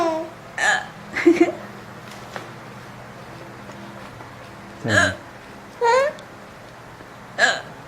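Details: Infant aged 4 months 22 days, hiccuping: about five brief, abrupt voiced catches, each a sharp little gulp separated by quiet pauses; typical infant hiccups.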